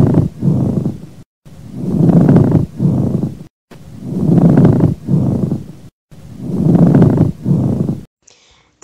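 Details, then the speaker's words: Pleural friction rub from a paediatric teaching demonstration of abnormal lung sounds: rough, grating, creaking, leather-like sounds repeating through both inspiration and expiration with each breath. "um barulho parecido com um rangido ou flexão de couro que pode ser auscultar o tanto na expiração quanto na inspiração e ele será melhor auscultar o nascer em períodos e posteriores do tórax estando relacionado a processos inflamatórios neoplasias ou derrame pleural extenso"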